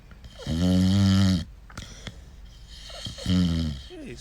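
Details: Sleeping dog snoring loudly while a person smacks and disturbs it; two loud, low, droning snores on the in-breath with quiet pauses between.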